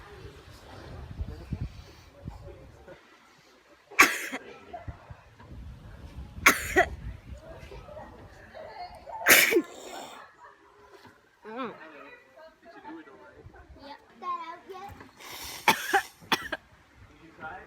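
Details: Sneezing during sutra neti nasal cleansing (tube passed through nose and out of mouth) or nasal swab testing: about five sharp sneezes between quiet chatter and sniffing in a small room; sneezing.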